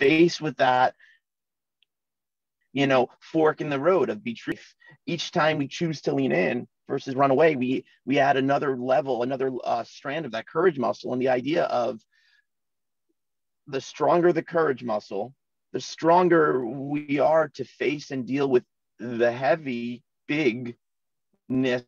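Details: Adult man in his forties who has stuttered since childhood, in natural conversational speech; stuttering.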